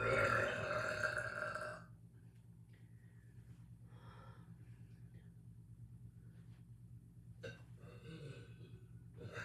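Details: Loud, echoey burps: a loud, rough burp at the start, a fainter one later, and another brief burp near the end, over a steady low hum.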